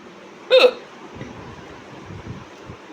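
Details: Adult woman with spontaneous, sudden-onset hiccups: a single loud, abrupt hiccup followed by quiet room noise and faint low sounds.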